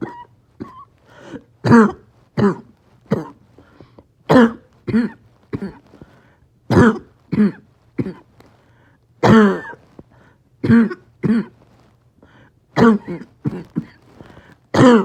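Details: Paroxysmal coughing in COPD with low oxygen: repeated harsh, barking, choking coughs in close back-to-back runs, about twenty in fifteen seconds with short gaps, with extreme shortness of breath.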